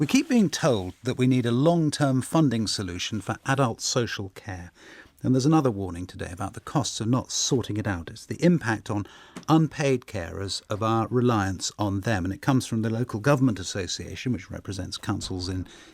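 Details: Adult male speaker; normal speech.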